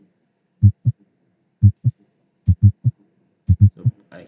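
Steady lub-dub pairs at about 60 beats a minute from a simulator at the apex; normal heart sounds, mitral area.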